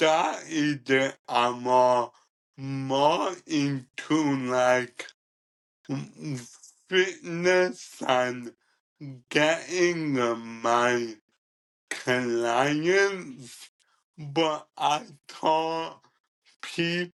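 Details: Ataxic dysarthria in a 27-year-old man with cerebral ataxia, present from birth and diagnosed at about 15; he describes it as degenerative, affecting his coordination, talking, movement and daily tasks.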